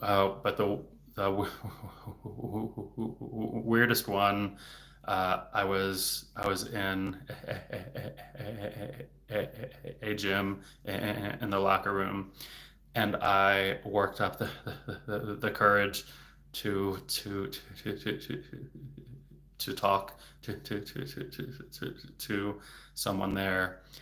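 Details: Adult male speech-language pathologist who has stuttered since age eight, worsening in his teens and currently in a period of stuttering more, with word and part-word repetitions and blocks; stuttering.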